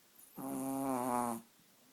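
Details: One drawn-out, buzzing, slightly whistling breath lasting about a second from a Chihuahua asleep: snoring.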